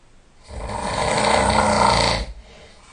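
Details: Heavy snoring during sleep, loud enough to wake the sleeper: one long, loud, rattling snore on a breath lasting nearly two seconds.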